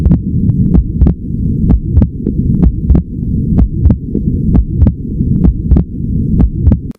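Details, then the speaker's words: Physiological splitting of the second heart sound: regular heartbeats near 62 a minute, with S2 splitting into A2 and P2 on inspiration and merging on expiration, a sign of normal cardiovascular function. "During expiration, these beats become closer again and the splitting disappears. This phenomenon is entirely physiological and its presence is a sign of normal cardiovascular function especially in young healthy people."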